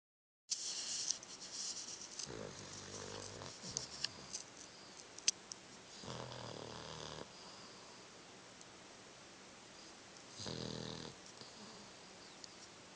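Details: A Boston terrier asleep with his tongue out makes three rough, noisy snoring breaths spaced several seconds apart over quiet room noise.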